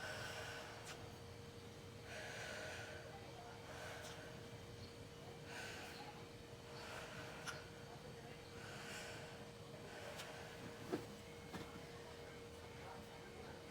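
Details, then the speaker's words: Deep breathing through the mouth only during a nursing return demonstration of thorax assessment. The stethoscope diaphragm is on the anterior chest, listening for normal and adventitious breath sounds. Slow, regular, audible airy breaths are heard over a background hum. "okay deep breath using your mouth only"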